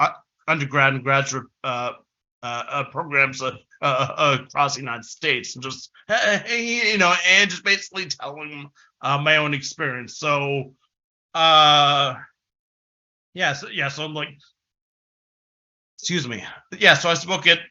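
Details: Developmental stuttering since about age six in an adult man, a person who stutters giving a conference presentation; stuttering.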